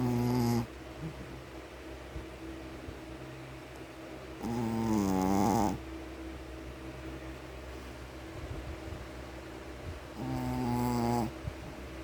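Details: Sleeping Shih Tzu dog snoring: three loud, rattling snores, one roughly every five seconds, with steady room hum between; snoring.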